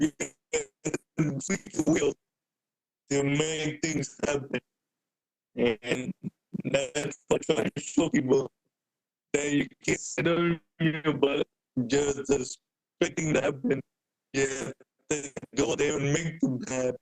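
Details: Adult man with cerebral palsy present since birth, a wheelchair user with physical limitations; speaking is noted as hard for him. Dysarthria (cerebral palsy).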